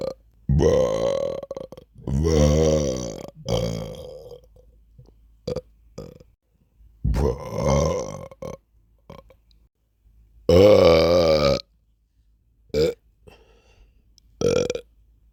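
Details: Sleepy burps: a series of long, loud, voiced belches separated by quiet pauses, with a few short gulps between them, over music.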